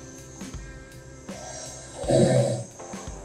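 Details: Snoring recorded overnight with a sleep-recording app: a single loud, rattling snore rises and fades during sleep over steady background music; snoring.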